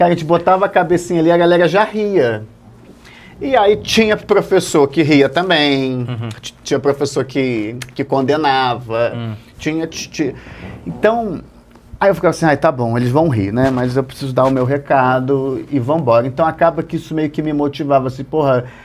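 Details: Stuttering since childhood in an adult male comedian; it runs in his family, and he stutters at some times and not at others.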